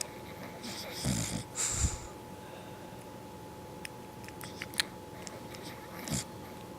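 A few short, rough snorting breaths over steady room hum, with brief clicks between; snoring from a sleeping dog.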